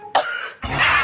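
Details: Cough.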